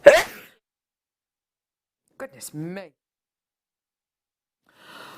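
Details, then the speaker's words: A single sharp, explosive sneeze from an adult, followed by a brief voiced exclamation in a quiet room. "ah wow uh oh that was that sounds like a good one oh it's a really good one"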